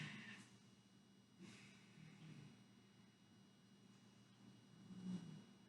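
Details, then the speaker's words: Cat resting in her cat tree, snoring loudly: soft, low, rumbling swells recurring every few seconds over quiet room noise. "Do you hear that snoring sound? My cat, who's in her cat tree, is snoring really loud right now."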